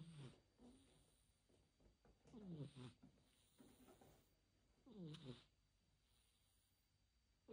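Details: Sleeping cat snoring softly, a tonal, falling sound with each breath, about 24 breaths a minute.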